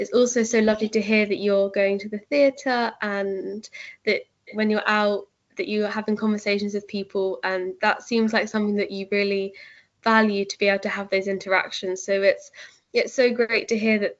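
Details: Adult woman; typical speech.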